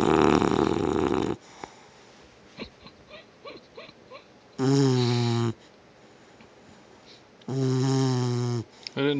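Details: A sleeper worn out from running gives loud, rough, rattling snores, several long ones with quieter stretches between them: snoring.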